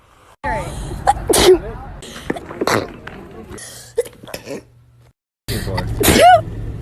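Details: Sharp sneezes from a woman breaking through her talking, with outdoor traffic noise in the background; sneeze.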